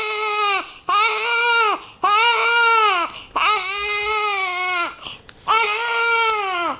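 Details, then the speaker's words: Newborn boy in his first week of life, described as irritated and hypersensitive, crying: four strong high-pitched cry bursts separated by short gasping breaths; vigorous crying. "he's so irritated by every single little thing really yes he's hyper sensitive"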